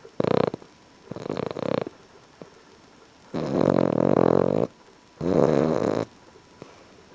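Loud, rough, rattling snores, two short then two long drawn breaths with quiet pauses between; heavy snoring.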